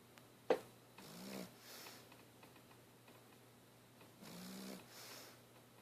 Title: mugsy snoring lol